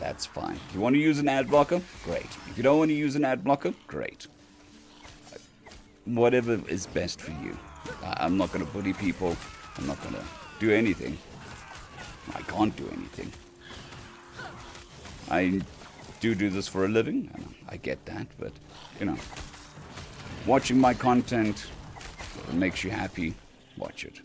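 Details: Adult male recovering from vocal cord surgery, with the cords mostly healed but having lost strength and stamina, and physiotherapy currently pushing the voice; dysphonia after vocal cord surgery.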